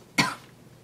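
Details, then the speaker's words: Adult with a sore throat and dry, tickly cough: a single short, dry cough, sharp onset and quickly fading, in a quiet room. "I'm battling a sore throat and I'm really bad like dry tickly cough at the moment I apologize I sound really bad right now"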